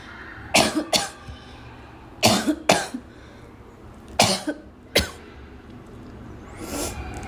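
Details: Girl with repeated short, dry-sounding cough bursts in small clusters, with throat clearing, snorts and occasional laughter; recurrent cough.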